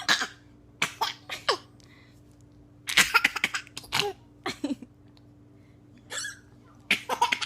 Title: Hilarious hiccups!